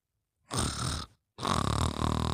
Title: Sleep with Fafa and her Friends: Mimi Sleeping & Snoring